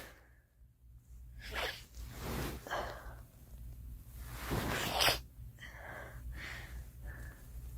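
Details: Repeated sharp, breathy sneezes from a girl, with quick inhalations between bursts; sneezing.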